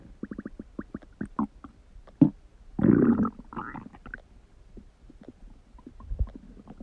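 Irregular gurgling, bubbling and squelching sounds with a louder rolling rumble midway, typical of stomach and bowel rumbling (borborygmi).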